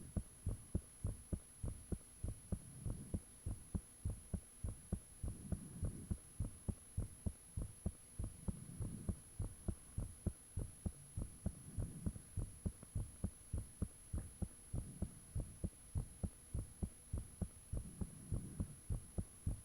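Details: Own heartbeat recorded with the fan off, shortly after it became unusually thumpy: loud, steady thumping at about 100 beats a minute with a faint steady hum in the background; heart sounds.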